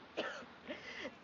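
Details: Acted cough from an actress in a drama scene: an adult woman gives three short, dry, throat-clearing coughs.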